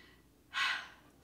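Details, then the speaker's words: Cat sleeping on the couch: a single soft, airy snoring breath rising and fading against a quiet room; snoring. "can you hear my cat snoring he's sleeping on the couch"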